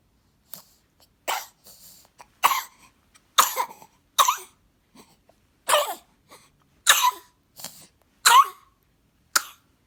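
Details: Four-month-old baby gives a series of short, dry coughs, roughly eight to ten over ten seconds.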